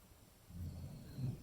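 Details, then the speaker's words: Dog snoring in the background, heard as a breathing sound while a person talks and applies makeup. "Je sais pas si vous entendez mais il y a mon chien qui ronfle. Donc ce n'est pas moi qui respire comme un chien, je vous rassure. C'est mon chien qui ronfle tout simplement."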